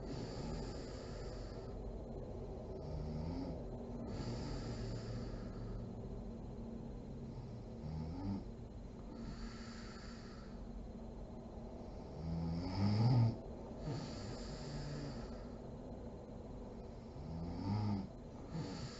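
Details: Mother (adult woman) asleep: slow, rough snoring on in-breaths, about 13 a minute, with occasional louder snorts; sleep snoring.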